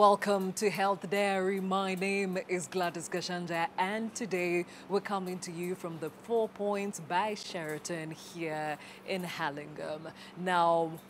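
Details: Adult woman speaking; normal speech.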